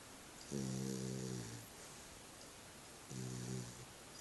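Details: Snoring from Sissy, a sleeping pup: two low, buzzy rattling snores about 2.5 seconds apart, each roughly a second long, over quiet room noise.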